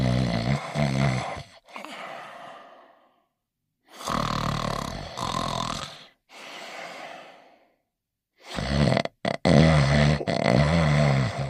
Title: Barnyard Dawg Sleeping and Snoring in his Bed